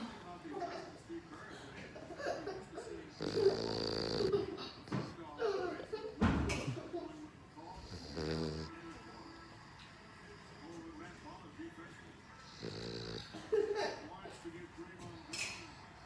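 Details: Soft, rhythmic snoring with snorting breaths during sleep, under faint room sound and some talk; ordinary snoring.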